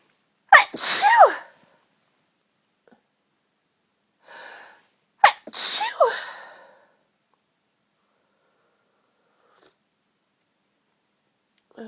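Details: Girly sneezes from someone lying in bed surrounded by tissues: two high-pitched sneezes, each after a quick catch of breath, separated by a sniffle, repeated sneezing.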